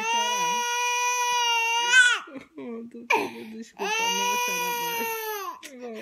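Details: Baby boy crying when his mother cries: two long, sustained wails with a woman's soft, soothing voice in between.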